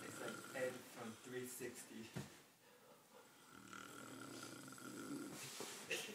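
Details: An adult snoring loudly during sleep: rough, irregular snoring noises with quieter breathing between them.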